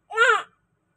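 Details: Newborn baby girl just after caesarean delivery: a single brief, high-pitched wail.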